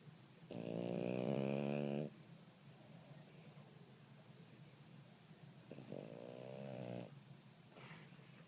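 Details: Sleeping puppy: two long, loud rattling snores on the in-breath with quiet breathing between them: snoring.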